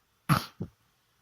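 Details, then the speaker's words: Adult woman with flu, cough and runny nose: one harsh cough burst followed by a short, softer second cough. "pertama-tama mohon maaf karena saat ini Kebetulan saya sedang flu batuk dan pilek sehingga suara saya mungkin kurang ee kurang sedap Untuk didengar"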